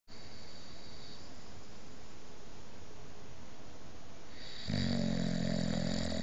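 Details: Steady low rumbling snore growing louder and rattling toward the end from Halo, a boxer dog asleep on the bed; very loud snoring.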